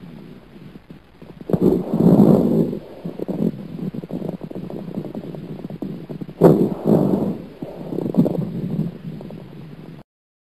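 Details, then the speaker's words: Two breaths with low, bubbling, popping coarse crackles early in each inspiration, as may occur in bronchitis; lung auscultation teaching example. "veral Erde son sesimiz olan kabar raller sesi nefes almanın başında duyulur ve bronşit yani bronşların iltihaplanması gibi hastalıklarda ortaya çıkabilir işte Kabara ler sesi"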